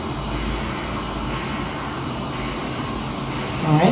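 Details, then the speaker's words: Transcranial Doppler without imaging (STOP protocol) in a child; steady whooshing, pulsing flow signal from the distal internal carotid artery measured at 52 and 54 mm depth. "we're now measuring the distal internal cared artery and that's also measured at 52 and 54 mm"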